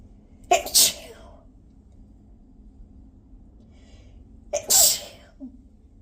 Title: these had so much spray 🤧 #sneezes #sneeze